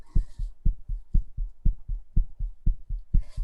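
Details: A person's recorded heartbeat played to an audience to infer emotional state: a brisk, steady lub-dub at about 120 beats a minute, faster than a calm resting rhythm.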